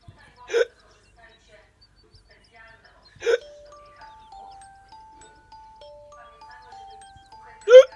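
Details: Staffy (Staffordshire bull terrier), possibly a puppy, with hiccups: three sharp, brief hiccup sounds about three seconds apart, soft background music.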